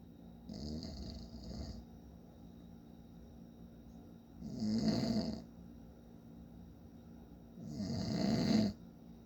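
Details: Father snoring in sleep: three loud, rough snores on inhaled breaths, about 18 a minute, with quiet room hum between; ordinary snoring.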